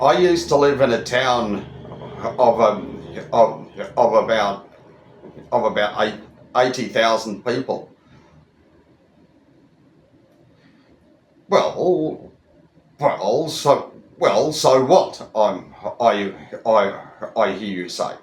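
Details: Adult Australian man over 25 who stutters, speaking in a monologue with repetitions; stuttering.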